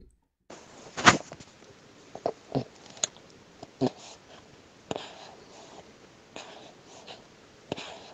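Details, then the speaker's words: Quiet, soft gulps about every second in a hushed room as a baby breastfeeds; audible swallowing showing effective milk transfer at the breast. "Quand il déglutit vite des sacrées gorgées. Ouais, 5-10 millilitres en tout cas par gorgée."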